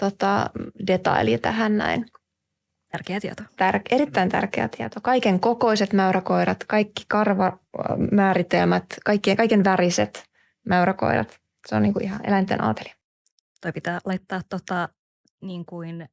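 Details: Adult woman speaking Finnish; fluent speech.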